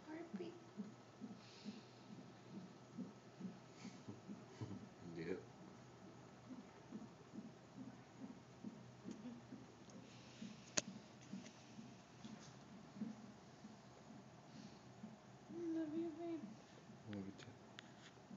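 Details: Fetal heartbeat of a baby girl on a Doppler monitor: fast, regular whooshing pulses at roughly 150 beats a minute.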